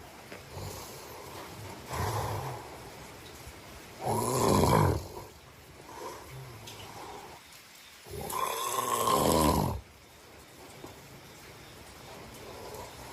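Harsh, vibrating snores on each breath, about two loud ones with softer breaths between, in a quiet room; sleep snoring.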